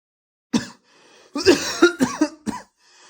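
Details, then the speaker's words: Short run of harsh throat-clearing coughs from an adult son, acted in a comedy sketch; he tells his mother he is not sick, just clearing his throat. "Yok anne ya hasta değilim. Boğazımı temizleyeyim."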